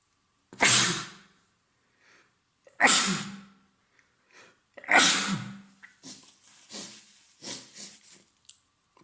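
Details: Adult man with a common cold, congested with a runny nose and sore throat: three forceful sneezes followed by sniffing. Sneezing.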